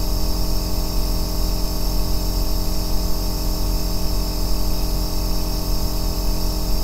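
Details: Aerosol nebulizer compressor running: a continuous deep droning hum with steady low rumble, offered as white noise for sleep.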